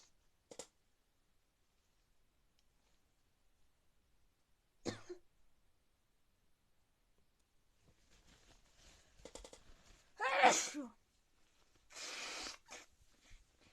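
Quiet room, then two short explosive bursts after soft breaths, fitting sneezes.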